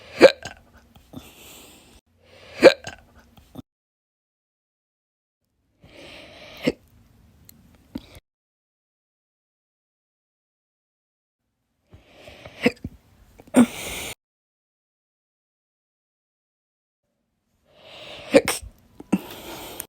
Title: All Slow Hiccups Part 9